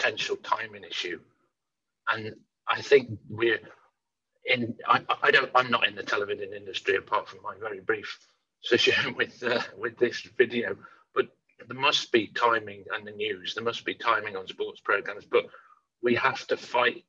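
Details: Woman panellist who stammers, at a stammering association event; stammering.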